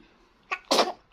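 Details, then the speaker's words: A single infant sneeze from a baby girl just fed breast milk and being burped: a brief in-breath, then one sharp, explosive burst through the nose and mouth; the parent remarks it is very cold. "Oh, bless you. Cold. I told you. Yeah, it's very cold."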